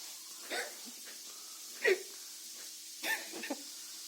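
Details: Sphynx cat coughing: a few short, soft hacking bursts over a quiet room; cat cough.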